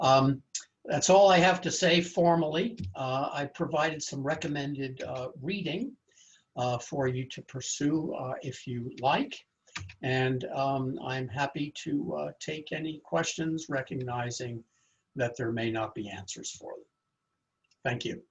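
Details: Adult male speaker; typical speech.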